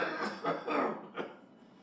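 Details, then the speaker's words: Adult man with a cough lasting over 3 weeks, with a metallic rasping quality, coughing about four quick harsh times into a smartphone self-diagnosis app, which flagged red advising a hospital visit. "3주 이상 기침이 이어져 불편을 겪는 일반적인 기침소리에 쇠 소리까지 섞이자 큰 병은 아닌지 걱정돼 스마트폰 앱을 통해 자가진단을 해봤습니다"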